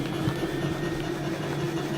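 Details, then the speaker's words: Young girl with cystic fibrosis wearing an airway clearance vest that inflates with air and shakes at different speeds to clear mucus from her lungs: a steady low mechanical hum with fast vibrating pulses. "so this vest inflates with air um and it shakes at different um velocities I guess um to get the mucus out of her lungs"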